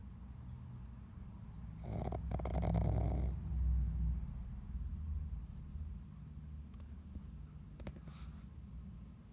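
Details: Sleeping pig gives a low, rumbling snore with one louder snorting breath over steady low room noise; snoring.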